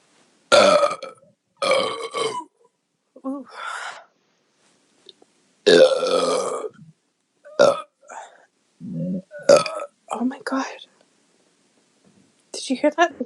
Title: more beer burps from my girlfriend